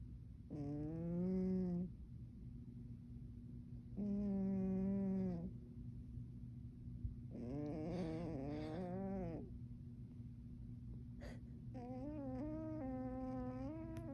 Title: CAT SNORES SO LOUD !!!